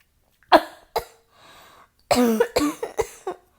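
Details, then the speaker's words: Acted adult female roleplay of an asthmatic coughing fit triggered by cigarette smoke, with chest tightening: two harsh coughs, a breath, then a rapid run of four or five strained coughs. "babe stop it you're making my cough worse"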